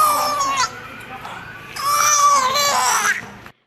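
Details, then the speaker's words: Two-month-old infant with pertussis (whooping cough), with successive coughing spells, reddening, and inability to breathe, cries in two strained, high-pitched bursts. "po talaga yung ubo niya talagang sunod-sunod tapos namumula po t's yung kamay niya laging nakaganon ah nag-ulat po yung ulo tapos hindi po talaga makahinga"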